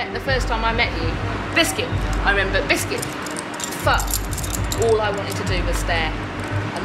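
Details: Speaker with Tourette syndrome, speech interrupted by repeated involuntary vocal tics including a repeated word and swearing; vocal tics (Tourette syndrome).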